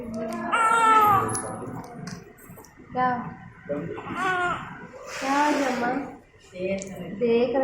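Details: Newborn baby boy, sister's second child, filmed just after delivery when brought out: repeated high, wavering cries in bursts with short breaths between and faint room talk; vigorous newborn crying.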